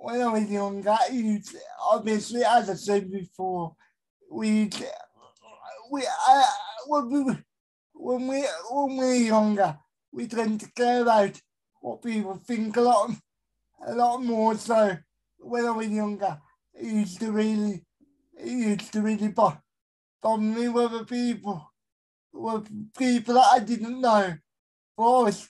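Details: Dysarthria in a male with a severe type of cerebral palsy, real.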